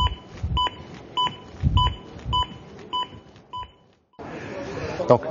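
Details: Zoll AED Plus defibrillator's CPR metronome with real-time CPR feedback: regular electronic beeps at about 100 a minute pacing chest compressions, with dull thumps of compressions.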